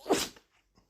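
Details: Healthy dog gives a single sharp, explosive sneeze with a short hiss after briefly seeming not to need to, followed by a few faint snuffles: sneezing.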